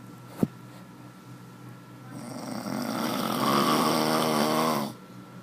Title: snore!